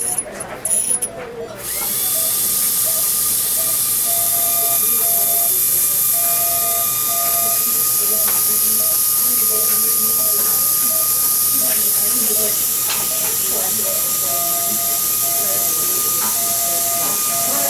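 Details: Steady high-pitched hiss and whine with water spray throughout, from an ultrasonic scaler during a routine dental cleaning of a dog under anesthesia (valium, injectable anesthetic, tracheal tube, oxygen and isoflurane).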